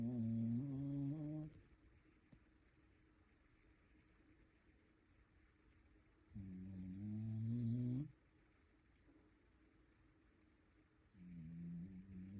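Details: Dog (mixed breed) snoring while asleep: three long, rising nasal snores separated by quiet pauses.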